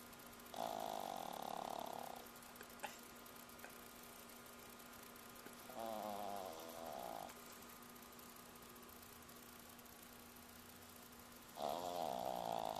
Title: Chico The Snoring Chihuahua